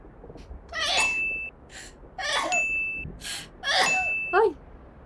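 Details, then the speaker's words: sneezing: Virtual streamer sneezing during a gameplay livestream after announcing "I need to sneeze again, cover your ears"; three sharp bursts, each followed by a ringing ding effect, from an edited sneeze compilation. "oh I need to sneeze Again cover your ears"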